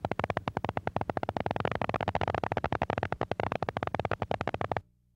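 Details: Needle EMG with polyphasic motor unit potentials, including nascent polyphasic potentials of small amplitude but normal or long duration: rapid, rough crackling bursts at about ten per second.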